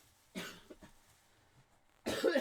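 An adult man gives a short cough with a trailing throaty burst, then a louder, harsh cough; two coughs in a quiet room.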